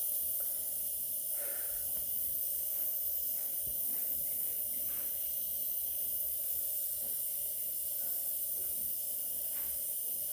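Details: Nebulizer running during emergency treatment of an asthma flare; the patient received two aerosol inhalations.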